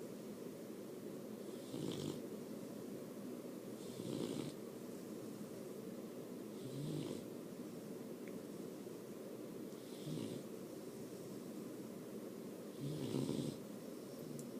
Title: My puppy snoring?????!